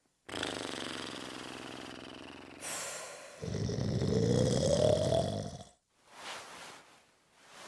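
Loud, rough, rattling snores with a fluttering vibration, then a snorting breath and softer breathing; heavy snoring.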